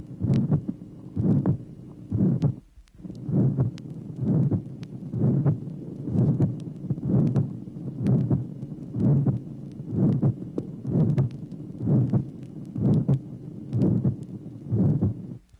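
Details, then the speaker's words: 1967 auscultation teaching record, tracing 10: regular heartbeat about 63 a minute with a rough, diamond-shaped mid-systolic ejection murmur originating at the aortic valve. "tracing number ten another amid the systolic ejection murmur originating in the aortic valve note the characteristic diamond shape of this murmur"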